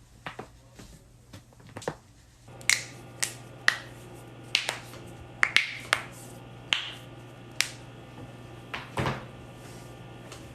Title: joints cracking compilation (neck/back/knuckles/toes/ankle)